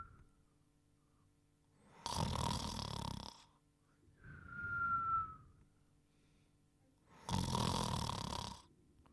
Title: Dogtanian Snoring and Whistling in 1 Minute & 9 seconds